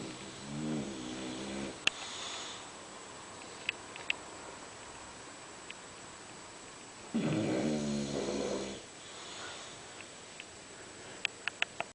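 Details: A bulldog sleeping in the kitchen gives two long, rough, rattling snore breaths, with faint clicks and room noise between them: dog snoring.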